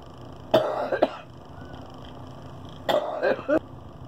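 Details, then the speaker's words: Woman with COPD on oxygen who needs a double lung transplant, also with pulmonary hypertension, doing airway clearance in a vest: two sets of short forced breathy huffs separated by a pause, quiet room; huff coughing. "she doesn't like it when I start doing the huffing she gets a point for it now she's going"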